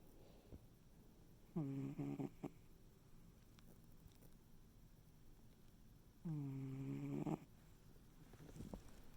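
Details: Snoring recorded February 2021; two buzzy, vibrating snores about five seconds apart in a quiet room.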